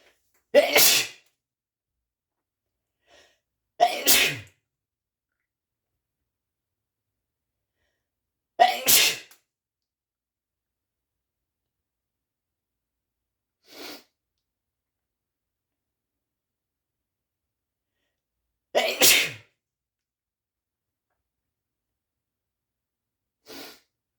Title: achoo sneezes (m)